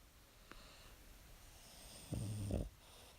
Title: Cute dog snoring